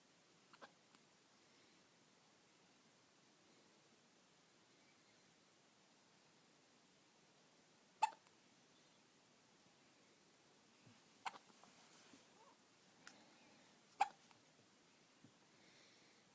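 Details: Infant in bed after her morning feed with hard hiccups: soft, sharp little hiccups at irregular intervals, several over about sixteen seconds in a quiet room; ordinary infant hiccups.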